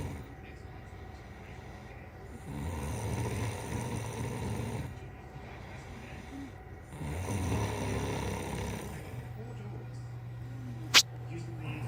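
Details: Two long, low rumbling inspiratory snores with quieter breathing between, over steady room noise and a brief click near the end; snoring.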